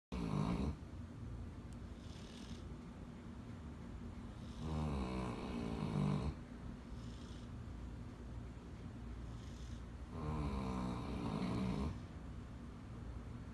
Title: Snoring Harley